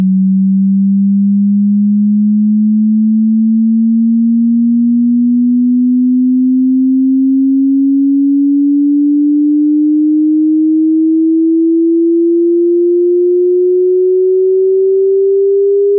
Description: Hearing Test in HD quality. Sinusoidal wave starting at 20 Hz frequency and going up to 20 kHz frequency.